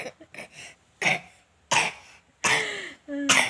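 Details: Child coughing: several short, harsh coughs in quick succession, with a brief voiced sound at the end.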